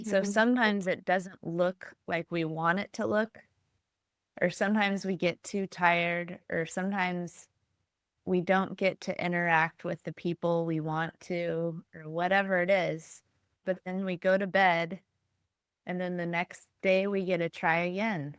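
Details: Adult woman; normal speech.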